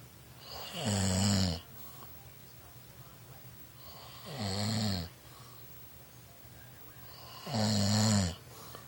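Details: Adult snoring through the night: loud, regular snores with rattling, whistling inhalations about every 3.4 seconds, roughly 18 breaths a minute, over steady room noise.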